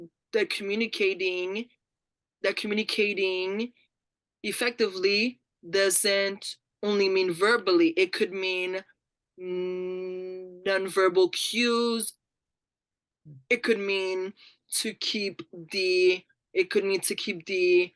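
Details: Adult woman who identifies as a person who stutters and has been a National Stuttering Association member for 17 years; real, non-acted speech showing stuttering.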